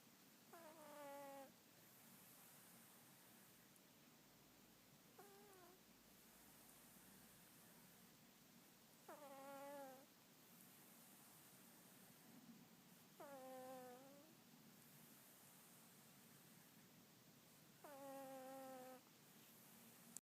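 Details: A sleeping cat with cat flu gives loud, tonal, trumpet-like snores about every four seconds, typical of a congested upper airway.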